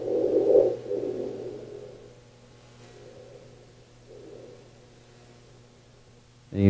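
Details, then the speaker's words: Recovery breathing after a hypopnea on a first-night sleep study recording: loud snoring breath sounds fade then swell again, repeating loud-quiet cycles following partial breathing. "so you can see how it's loud quiet loud quiet loud loud quiet loud quiet"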